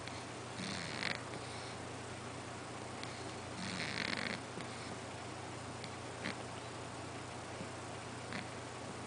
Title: cat snoring on couch